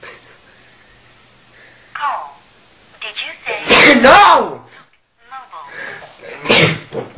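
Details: A loud, explosive sneeze with a sharp inhaled build-up, during a game of Pictionary amid some room talk.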